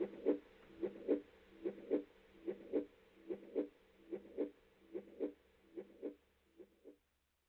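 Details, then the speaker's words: Heartbeat recording of a normal heartbeat: steady paired lub-dub sounds at about 73 beats a minute with a regular rhythm; quality varies with the playback device. "this is a heartbeat recording quality will vary depending on the device that you are using"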